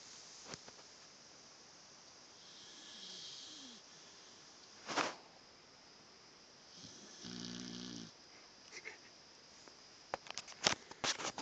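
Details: One-year-old deaf white English dog: soft, buzzing snore sounds over steady background hiss, with a few brief clicks and rustles; snoring.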